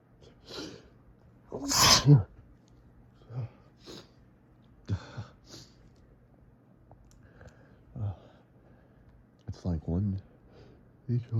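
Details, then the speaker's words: Morning sneezing fit in bed from fall allergies with itchy, snuffly nose: several forceful tissue-caught sneezes in quick succession with catching breaths and gasps between; allergic rhinitis. "one just triggers the next. It's building. It's building up."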